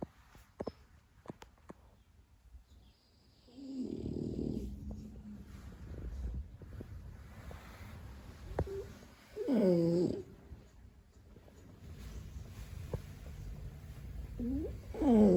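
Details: Sleeping dog snoring: soft, slow snuffling snores at a few breaths a minute, with faint squeaky whines and room noise.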